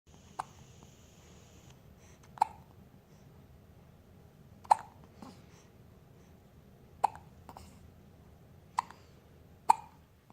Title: Hiccup Battles